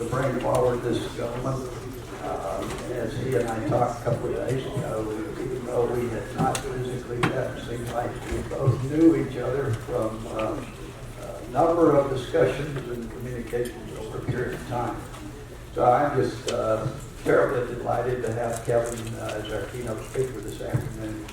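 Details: Adult male speaker in a small room; typical speech.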